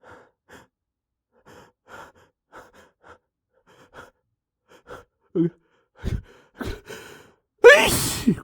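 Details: Person trying and failing to hold back loud sneezes: quick, shallow catching breaths that build and grow louder, ending in a forceful sneeze.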